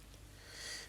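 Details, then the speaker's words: Endoscopic ear microsuction after oil was put in to clear very dark, long-standing oxidized wax from blocked ear canals with slit-like narrow entrances: a brief hissing suction as the probe removes the excess. "so immediately i've just put some oil in there and i'm just suctioning the excess"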